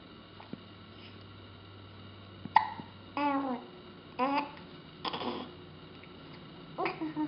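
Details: Baby boy with hiccups: sharp sudden little hiccup sounds mixed with soft voiced babbling in a quiet room; hiccups.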